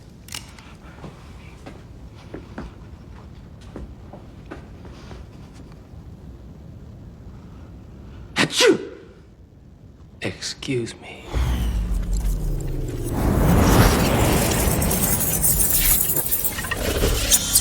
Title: Scene from UPGRADE... Fisk kills a man with a single sneeze...